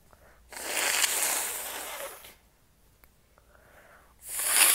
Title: Cold sneezes and Noseblows